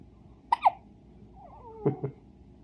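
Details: One-day-old baby boy with hiccups, his whole body shaking with each one: brief, sharp, high little catches one after another, with a faint squeak between.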